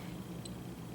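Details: Snuza Hero baby movement monitor: a single brief high-pitched chirp over steady low room hum, the monitor's chirp signal at a louder setting.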